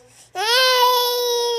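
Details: Tired baby boy upset by hiccups: a single sustained, high-pitched wail in a quiet room; infant crying.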